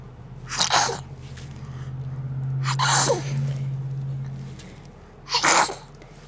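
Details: 7-month-old baby boy doing deliberate fake sneezes on request: three short, sharp sneeze-like bursts over a steady low hum, an imitation rather than real sneezing.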